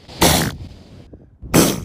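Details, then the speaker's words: Elephant seals sneezing: two loud, explosive, wet nasal blasts with a fluttering snort between. "Those were the noises of elephant seals sneezing."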